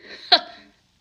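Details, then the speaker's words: Person with Tourette syndrome, diagnosed at age 12 with tics from earlier, speaking quietly when a single abrupt, hiccup-like vocal burst breaks in: an involuntary vocal tic. "I want to showcase that people with threats are like normal people too except we tick like clocks"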